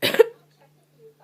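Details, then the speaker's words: A person with recurring hiccups: a single cough that ends in a short, abrupt catch of breath, a hiccup breaking into the cough. "just hiccup during coughing that was a new one and I don't really know why I think my hiccups are pretty normal"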